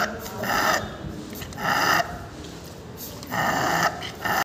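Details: Harsh, strained inspiratory stridor recurring about every 1.5 seconds in a Pug dog with inspiratory dyspnea, labored breathing from a narrowed upper airway.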